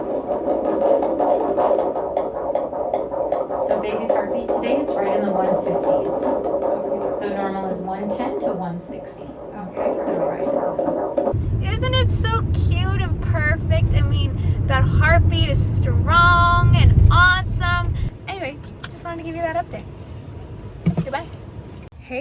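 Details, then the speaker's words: Fetal heartbeat covertly recorded at a second prenatal appointment: rapid, regular whooshing on Doppler at about 150 a minute, described as nice and strong: normal fetal heartbeat. "There's your baby right there. Nice strong heartbeat."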